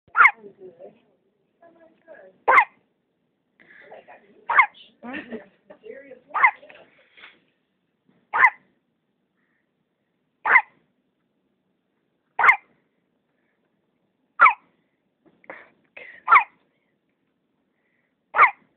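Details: Newborn girl days off ventilators after pulmonary hypertension gives sharp, regular hiccups about every two seconds with soft fussing between; her daily hiccups were strong enough to set off ventilator alarms: hiccups.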